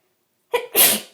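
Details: Person with bad hay fever: a quick indrawn breath, then one forceful, hissing allergic sneeze.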